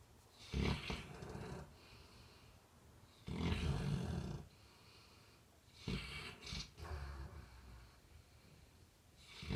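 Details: Sleeping Labrador dog: loud, rough, low snores in repeated bursts, each lasting about a second; snoring.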